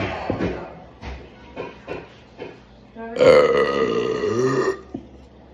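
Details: Several gulping swallows after chugging a zero-sugar Monster Ultra Fiesta Mango energy drink, then one long, loud belch of about a second and a half.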